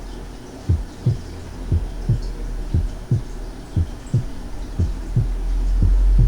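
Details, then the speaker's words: Normal heart sounds heard first at the left second intercostal space: steady paired sounds about 58 a minute, second sound single and unsplit, louder and higher-pitched than the first; normal heart sounds. "escuché los dos ruidos cardíacos en el segundo espacio intercostal izquierdo en primer lugar sin desdoblamiento del segundo ruido"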